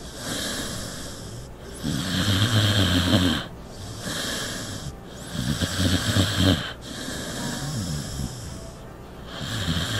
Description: A tribute to my dog Norton's incredible sonic proclivities.